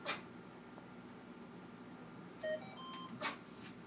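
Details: Clicks and a short series of electronic beeps in a quiet room as the ventilator of an old Dräger anesthesia machine is switched on, during a machine check with a breathing bag serving as an artificial lung.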